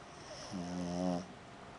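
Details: Sleeping pug dog snoring heavily: one loud, rumbling, slightly tonal snore lasting under a second, with quiet breathing on either side.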